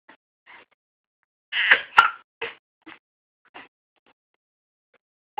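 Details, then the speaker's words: Short, sharp, voiced hiccup sounds repeating irregularly in a quiet room, with one louder squeak; hiccups. "You have hiccups? got the hiccups."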